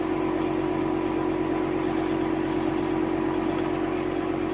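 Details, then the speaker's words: Electric suction machine for tracheostomy and endotracheal suctioning, switched on at the maximum setting as pressure starts building: a steady, even motor hum with no pauses. "उसके बाद में जैसे अभी आप देख सकते हो इसको मैंने ऑन कर दिया और यहाँ पे एक मैक्सिमम साइज़ में रखा मैंने। तो अभी इसमें प्रेशर बनना चालू हो गया, ये देखिए।"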